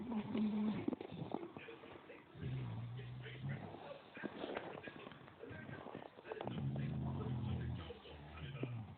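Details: Bulldogs or Staffy sleeping in the afternoon, two long, low, rumbling snores a few seconds apart with soft room noise between; snoring.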